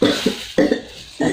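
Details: Voluntary effective cough in a nursing student's simulated demonstration of deep-breathing and effective-cough training on an adult woman: three short, forceful coughs after deep breaths, to clear phlegm from the airway.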